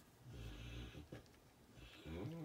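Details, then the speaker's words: A dog snoring and snorting in the background. "my dog is snoring sorry if you hear that snorting that's my dog oh my goodness"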